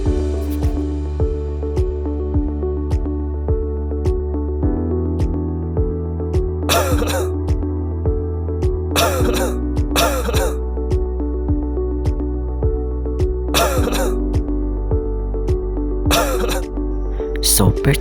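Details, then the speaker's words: Whooping cough (pertussis) example in an educational recording: harsh, hacking coughing bursts over steady background music; the high-pitched inspiratory whoop is hard to make out. "it characterized by a severe hacking c followed by a high Pit intake of Breath sounding Like"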